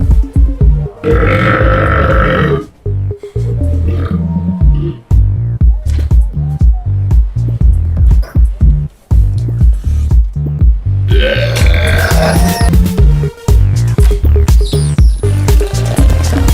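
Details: A string of loud, deep burps from a compilation of TV commercials, with music playing throughout: burping.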